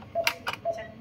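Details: Infusion pump running on a patient receiving IV rehydration fluid, set at 60: sharp mechanical clicks with a faint steady tone.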